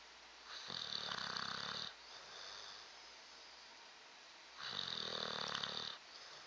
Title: Snoring bulldog